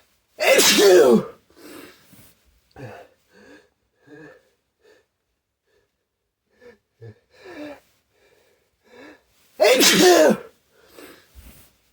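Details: Two loud, explosive sneezes about nine seconds apart, with quiet breathy sounds and small noises in between; sneezing.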